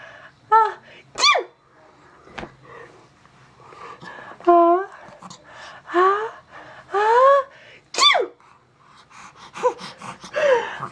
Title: Mommy's sneezes are funny